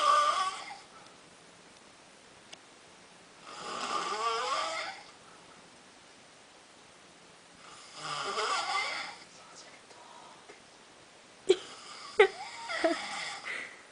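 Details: Slow, rasping snores on each breath, about every four seconds, in a quiet room: ordinary snoring.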